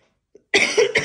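One or two harsh, explosive cough bursts from an adult, in an illness with COVID.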